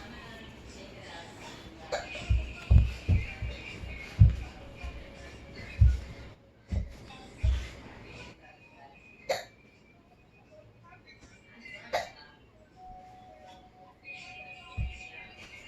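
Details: Hiccups while freeze dancing: about eight short, sharp, low hiccup bursts at irregular intervals over background music.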